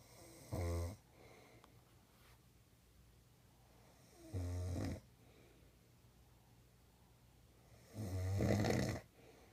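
Three loud, low, rattling snores on breathing in, roughly 15 a minute, with quiet gaps between; ordinary snoring.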